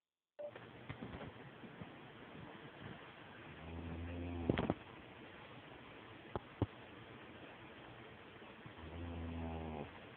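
Two rumbling, rattling inhaled snores a few seconds apart over steady background hiss, with a couple of sharp knocks.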